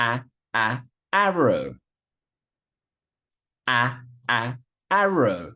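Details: Adult, imitated; Stuttering, sound repetition (imitated).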